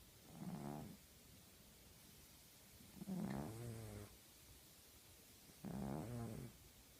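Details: Sleeping female tabby cat snoring: three loud, rattling, low-pitched snores, about 23 a minute, each on a slow breath.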